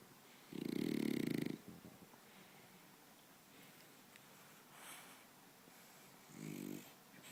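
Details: French bulldog snoring himself to sleep: buzzing, fluttering snores on one long breath and one shorter one, with quiet breathing between, snoring.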